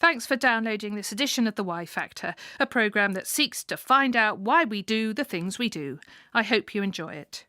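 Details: Adult female announcer; fluent speech.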